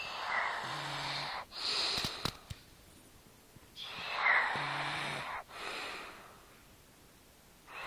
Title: girl making weird noises in her sleep